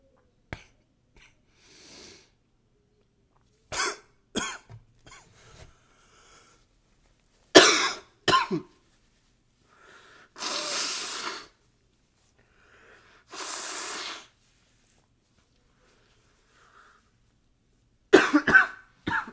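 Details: Recorded with a new high-fidelity microphone: several harsh coughs in short bursts with throat clearing, plus two long hissing nose blows in a quiet room; repeated coughing.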